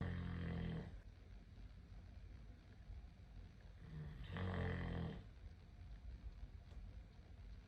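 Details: Snoring from a sleeping little dog.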